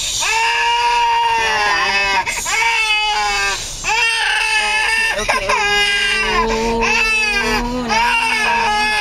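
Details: 8-month-old twin babies, a boy and a girl, tired after a car trip home and play: continuous loud overlapping wailing with short breaths between; ordinary crying of tired infants.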